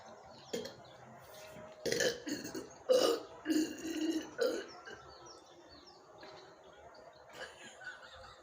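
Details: Several loud, drawn-out voiced belches in a row with quiet room noise between, from a woman deliberately burping after drinking a Thums Up cold drink in the morning for a burping challenge; burping.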